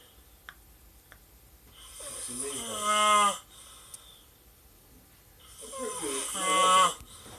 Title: Snoring !